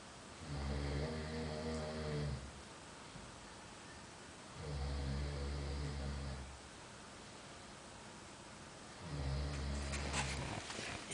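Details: Person snoring heavily while asleep in a hostel, with loud, low, rattling rumbles on each breath, about three in eleven seconds, and quiet pauses between.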